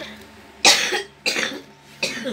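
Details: Three dry, harsh coughs under a second apart in a quiet room, from the mother filming her cat; coughing.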